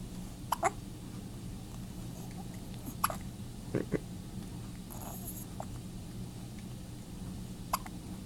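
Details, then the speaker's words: Female newborn about 15 hours old with hiccups: brief, abrupt little catches of breath recurring every second or two over steady room hum. "You got the hiccups? Baby girl. You got the hiccups? Yeah. Just a little bit. Mm-mm. These hiccups are keeping me awake."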